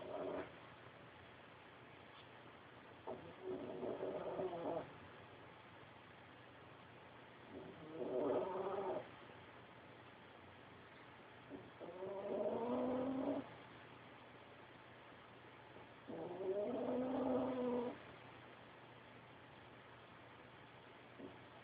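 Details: Sleeping dog named Shadow snores loudly like a pig: buzzy snores on each breath in, about 14 a minute.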